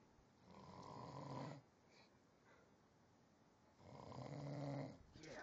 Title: Snore Solo